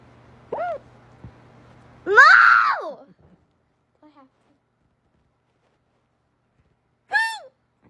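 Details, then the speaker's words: A child's hiccups: two abrupt, brief voiced 'hic' sounds several seconds apart, with a squeal-like vocalization between them. "happened you get 25 cents if you HIC up again"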